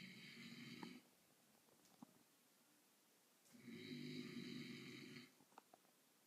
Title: My moms fiancé snoring after a long day at work